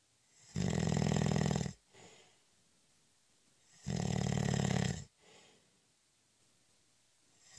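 Loud rattling snores on each breath in, about one every three seconds, with quiet breaths out between.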